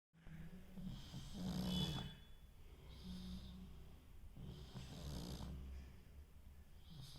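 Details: Pug snoring: low, rumbling breaths with a fluttering rasp every couple of seconds, softer hiss between, steady snoring.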